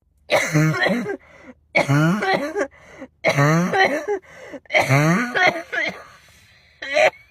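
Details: Four loud, voiced hacking coughs, each followed by a short pause and a breath; coughing.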